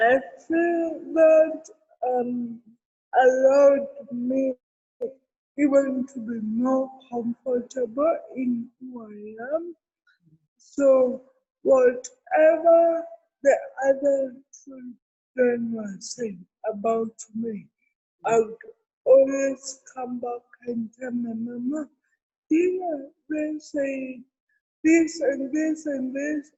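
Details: Adult woman with cerebral palsy present since birth, given extra time in an interview so she can be heard clearly; dysarthria (cerebral palsy).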